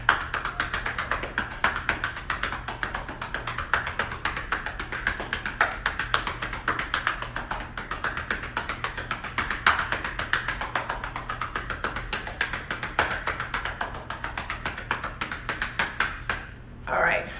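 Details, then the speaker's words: Rapid, steady, hollow cupped-hand chest percussion (chest physiotherapy) demonstrated by a nurse for home use to break up and mobilize chest mucus, as done on COVID-19 patients along with suctioning. "that's basically what we're doing on all our Cove in 19% that is part of the biggest problem is having that mucus on the chest and that you know trying to mobilize and get all of that out along with suctioning"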